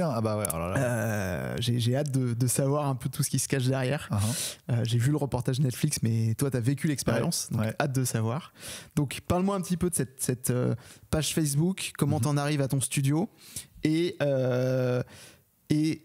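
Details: Adult male speaker; Normal speech.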